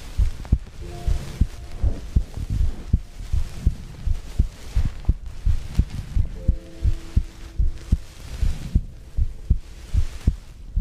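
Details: Paired low heartbeat thumps, about 80 beats a minute, with brief soft background tones; heartbeat and breathing ASMR recording.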